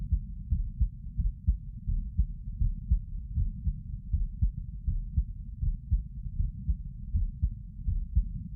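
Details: Heart sounds of a person sitting: deep, muffled, regular thumping at about 80 beats a minute under a low rumbling hum; normal heart sounds.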